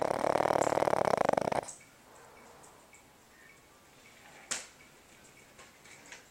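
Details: Sleeping Boston Terrier snoring loudly enough to keep the owner up at night: one loud, rattling, fluttering snore of about a second and a half, then near silence with a faint click.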